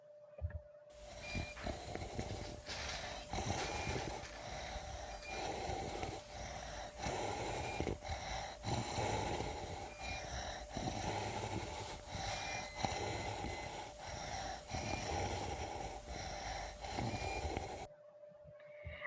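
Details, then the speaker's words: Coarse, low rattling and snoring breath noise through repeated breaths, heard at a distance, from secretions moving as the patient breathes; rhonchi. "Dentro del ronquido, lo que escuchamos más que nada es la movilización de secreciones al momento que el paciente respire. En este caso, el sonido expuesto es un ronquido a distancia."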